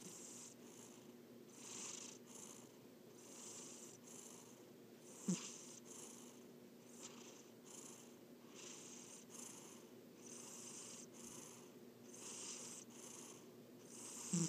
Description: My cat ALWAYS snores when she sleeps. I think it's so cute :)